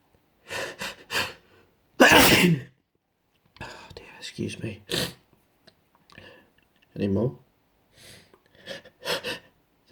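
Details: Sneeze spray test: quick sharp breaths build to a loud, explosive sneeze, then more short breathy bursts and a second, smaller sneeze; sneezing.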